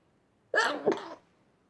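One sharp explosive burst of air through the nose and mouth, lasting well under a second, in a quiet room: a single sneeze.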